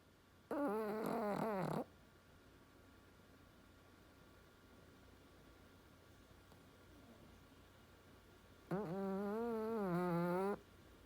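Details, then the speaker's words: Little baby snoring: two drawn-out, buzzing, tonal snores about eight seconds apart, with quiet breathing between; big, loud snores for an infant. "cute little snores."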